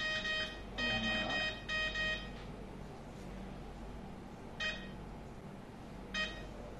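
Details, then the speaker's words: Repeated electronic beeping alarm from an infusion pump signalling a problem, such as a closed clamp or empty fluid, during a nursing demonstration of infusion pump use; infusion pump alarm. "Iya nah ketika ada kendala contohnya ada ada masalah maka alarm akan menyala itu menandakan bahwa mungkin mungkin caranya sudah habis sih pemerintah habis atau ada masalah"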